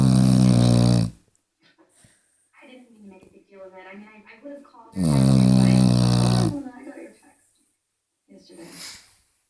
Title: loud snoring beagle Woody gets worse